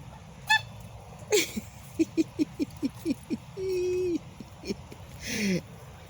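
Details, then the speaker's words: A goose with hiccups: a quick run of short, sharp hiccup-like chirps between a few longer honks, described as not a normal goose sound. "that's a goose believe it or not making that noise it's the hiccups i paused it right when it did it again"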